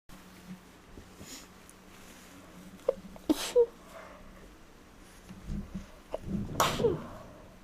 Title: Allergy sneezes